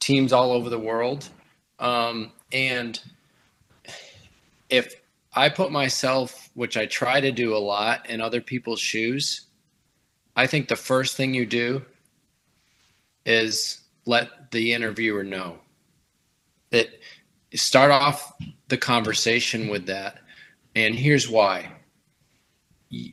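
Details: Adult man who stutters, reporting fear of stuttering and blocking before job interviews; stuttering.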